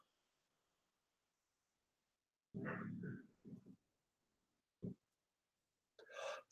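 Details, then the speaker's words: A dog snores while sleeping in the background of a livestream from a host who has a cold: dog snoring. "you can hear my dog snoring there in the background which I got to wake her up in about five minutes"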